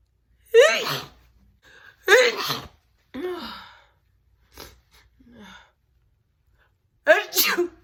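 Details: Adult woman recently recovered from a cold: loud, forceful, wet sneezes, each a sharp burst with a voiced cry, separated by quiet breaths and murmurs; sneezing.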